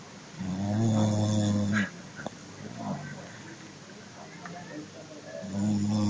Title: Funny snoring dog ( Un caine ce sforaie ) :))